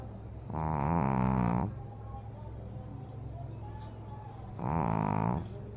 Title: Snoring Pug #foryou #fy #fypシ #doglover #dog #dogs